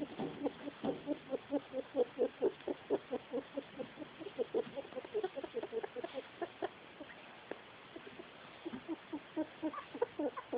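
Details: Pet female rat, about 1 year old, kept on paper bedding, making soft rapid irregular clicking or chattering about twice a second with breathing, for a little under a week; owner worried, possibly respiratory noise.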